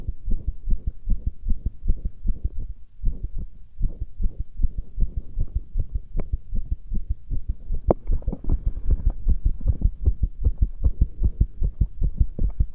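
Deep, fast, regular thudding beats with a low muffled hum, a heartbeat heard at roughly 150 pulses a minute.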